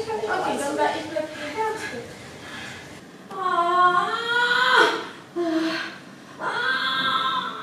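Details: Newborn boy's first cries just after delivery in the delivery room: three strong, high-pitched bursts, a normal vigorous start to breathing.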